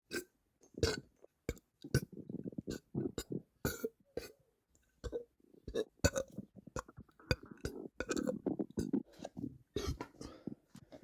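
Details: Person suddenly bloated, many short and drawn-out belches in quick succession over a quiet room, recorded within 30 minutes until the stomach calmed: frequent burping with bloating.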